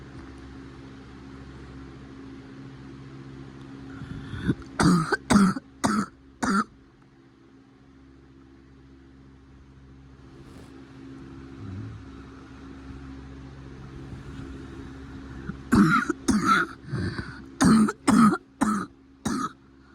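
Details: Cough reported as getting better: two bouts of four to five short coughs separated by quiet, with steady background hum.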